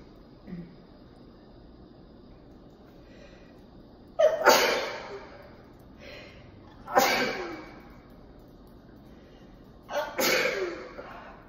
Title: Kitchen sneezes